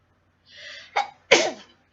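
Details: A breathy inhale builds, then a short catch and one sharp, explosive burst of air, a single sneeze.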